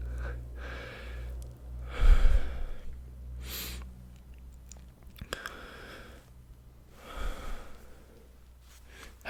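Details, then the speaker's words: Simulated ASMR roleplay doctor exam: stethoscope on chest while patient breathes in and out through mouth; soft, even breaths, no wheeze or crackles, declared all clear; normal breath sounds. "well my friend you'll be glad to know that they're all okay nothing abnormal there normally we're listening for crackles or something happen or more but they're all clear so excellent"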